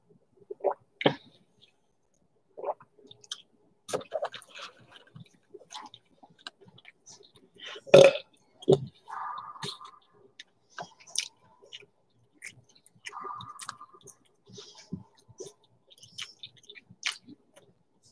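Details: Close-up chewing and crunching while eating corn dogs and Doritos, with a few low, gurgling burps between bites.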